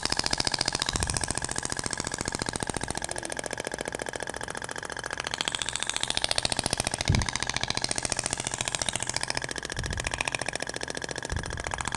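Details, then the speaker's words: Ibramed Thork radial shockwave therapy on a patient's abdomen, stainless-steel applicator avoiding the umbilical scar, with gel: rapid steady mechanical tapping about fifteen pulses a second with occasional thumps. "indiferente agora vai pro outro sentido até o barulho é diferente da pompea de po acetal PR inox desvia da cicatriz umbilical"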